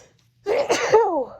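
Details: Adult female in her car after a massage with menthol: a single loud, voiced sneeze with sharp onset and trailing vocal tail, part of a sneezing fit; usually allergic only to dust.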